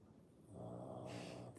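A sleeping dog gives a loud, rumbling snore that ends in a breathy, hissing outflow of air.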